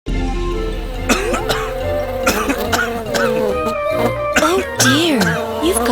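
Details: Several short, dry, acted coughs from an adult in a TV commercial for a herbal cough syrup, over steady background music.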